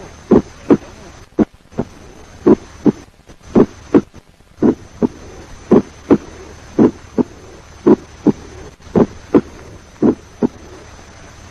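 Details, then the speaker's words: Regular heartbeat near 56 a minute with a closely doubled first sound, a split S1, played for comparison with a fourth heart sound. "Also, let us compare the fourth heart sound, with the splitting of first heart"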